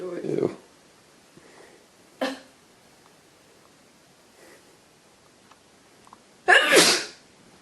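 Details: Adult with a head cold: two sharp sneezes, the second loud and explosive, with brief speech sounds between, after trying to provoke sneezing with nasal stimulation; repeated sneezing.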